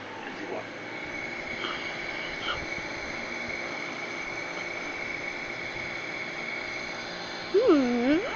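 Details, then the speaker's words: Steady mechanical hum with a constant high whine from an electric nebulizer compressor running while a child with a cough and clubfoot is being nebulized, recorded March 17, 2017. "Today is March the 17th. Sami is being nebulized again."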